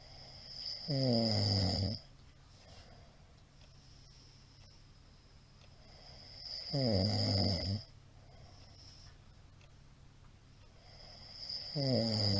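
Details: Heavy snoring from a sleeping middle-aged man, recorded 28 March 2022: loud rattling snores on each in-breath, quiet out-breaths between, about ten breaths a minute.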